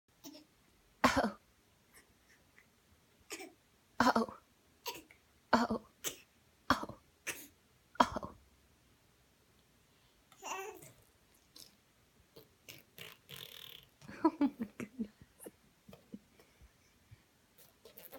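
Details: Young boy making a run of short, deliberate fake (voluntary) coughs, followed by soft vocal sounds.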